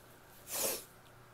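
A single short, hissing sneeze burst with a sharp airy release, over quiet room noise.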